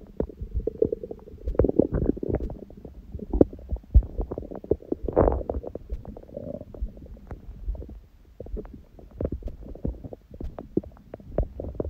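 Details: Own belly recorded after a big first meal of the day at 4 pm, following water-only fasting since 7 pm the previous day, and after ab workout, on a raw-food diet: frequent gurgles, rumbles and brief pops; active normal bowel sounds.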